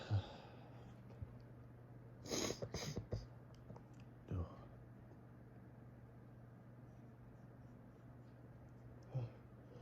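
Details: Fall allergies in bed in the morning: muffled, forceful sneezes into a tissue, a short rapid burst then single ones, in a quiet room, each triggering the next; allergic rhinitis sneezing.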